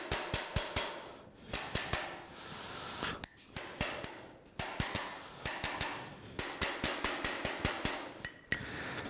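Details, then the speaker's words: About twenty sharp metallic hammer blows in quick bursts with pauses from an impactor seating a size F posterior-stabilized femoral component on a left femur practice bone model, in simulated total knee replacement. "وبعدين نستخدم الامباكتور بتاع الفيميرال كومبوننت، نركبه شويه من نضرب من تحت الاول وبعدين من فوق لغايه لما يسيت كويس"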